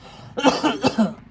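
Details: Comedy sketch with an actor faking a cough: several harsh, voiced cough bursts in quick succession imitating a barking cough, acted, not real.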